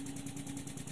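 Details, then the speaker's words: SensorMedics 3100A high-frequency oscillatory ventilator running while power is increased to raise delta pressure toward 60–65; steady rapid mechanical buzzing with constant tone, about ten cycles a second. "this is a high-frequency oscillatory ventilator as you know this is the sensor medics 3100 a"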